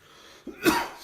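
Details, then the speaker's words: A single brief cough with a faint catch just before it, in a quiet room, from the teacher during a Zen teaching talk at a summer retreat. "me, I have a cough. Could you define my cough? So anyone that didn't hear the cough, reproduce that experience of hearing the cough to that person who wasn't in the room at the time. coughed."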